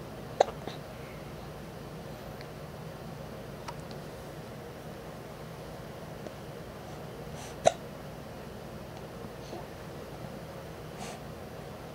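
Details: Two short, sharp hiccups about seven seconds apart over quiet room noise, with a few faint clicks between them; hiccups.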